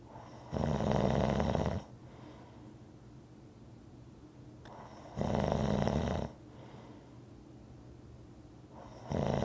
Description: Rhythmic snoring audio to relax to